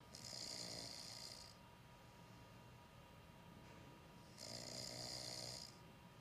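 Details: Man deeply asleep and snoring: two long, hissing, rattling snores about four seconds apart, with steady background noise; snoring.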